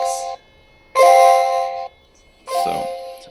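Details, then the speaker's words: Three clear electronic chimes from the nurse-station device of a Tektone hospital nurse call system, signalling that the bathroom call-for-help button in room 26 was pressed. "Now when you come to the area where the nurse would normally sit, they have a little device here that also makes a noise and tells them it's the bathroom and it's 26."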